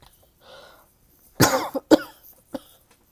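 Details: Adult with a cold, sore throat, coughing waking them at night: a short spell of about three coughs after a quiet breath.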